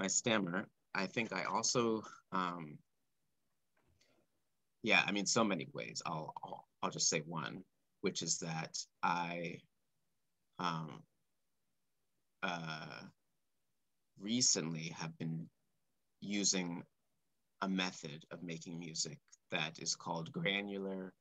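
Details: Adult man speaking live, stuttering since about age four or five, which he describes as blocks and repetitions; stuttering.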